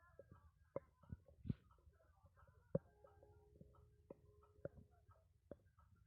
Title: Very nuts stomach growling